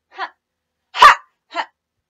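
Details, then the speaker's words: Three short, abrupt throaty vocal bursts, the middle loudest, sudden and isolated, from a person with Tourette syndrome describing a loud tic, during a don't-move challenge: vocal tics. "But yeah, I don’t like it because it’s, it’s so loud, and I don’t want to be loud in public."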